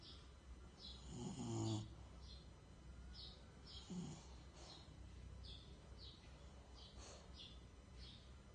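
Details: A sleeping bulldog gives a low rumbling snore, then soft whistling breaths with each cycle, over a steady background hum.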